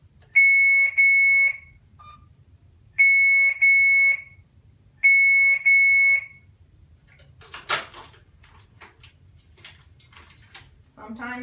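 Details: Alaris infusion pump alarm during a nursing demonstration, after restarting the secondary infusion and checking the line for air bubbles: three sets of paired high electronic beeps about every 2.5 seconds, then quiet handling noise.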